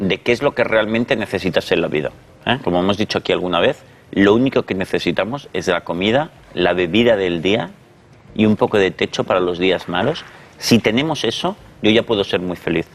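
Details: Adult male speaker; normal fluent speech.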